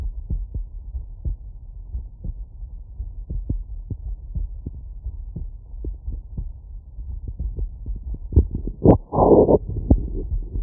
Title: Heartbeat auscultation stethoscope heart sounds with phonendoscope CS-417 + electornic